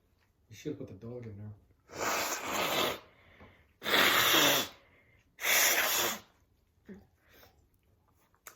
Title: 2021 Sneezing , New Sneezes